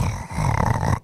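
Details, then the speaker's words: Dog snoring close to the mic during a livestream; owner says he snores a lot at night and needs a CPAP: deep, rough, rattling rumble about a second long; loud snoring. "He is such a fucking snorer, dude. He drives me crazy at night."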